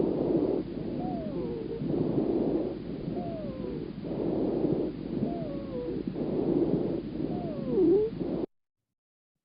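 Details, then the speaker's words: Repeated breaths with a slight high-pitched, musical whistling tone on each expiration: expiratory wheezing. "there is wheezing uh please remember that the wheezing happens in the expiratory phase there is that slight high pitch sound in the expiration"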